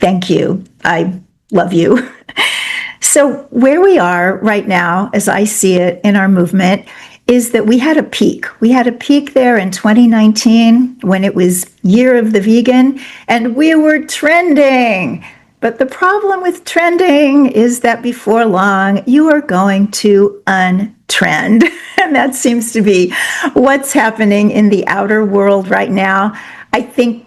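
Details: Adult woman speaking; normal speech.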